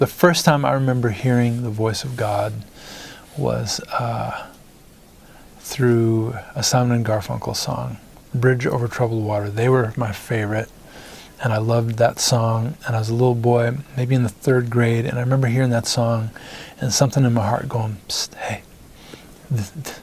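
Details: Stuttering in an adult male singer-songwriter; it began in first grade when his parents divorced and goes away when he sings.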